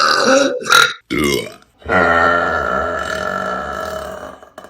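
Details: Several loud belches in a burping compilation, the last a long voiced burp lasting almost three seconds; burping.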